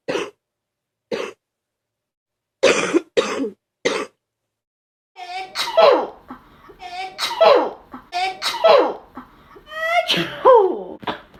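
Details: Sick student with a 39.2°C fever, congestion and a very bad sore throat, starting to bring up mucus: five short, sharp coughs, then hoarse, voiced, slightly loose coughing bouts.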